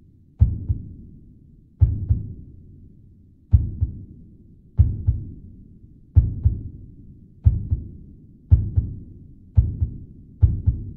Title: Latidos del corazón acelerando lento a rápido 🔊 - Efecto de sonido